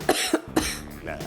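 Three quick, harsh coughs in a row from an adult, with faint music behind; the kind of lingering cough of a cold.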